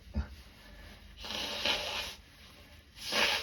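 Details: Start of a cold with sore throat and gagging, recorded two days before it worsened: a few breathy, hoarse cough-like bursts with gaps; still a mild cough.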